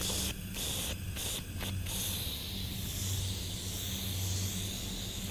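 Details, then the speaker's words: Nursing demonstration of oral and nasal suctioning of a tracheostomy patient, done right after trach suctioning with no wait before going into the mouth and nose. "now that I'm going into the mouth I don't I don't have to wait for a minute I'm gonna go in the mouth and in the nose"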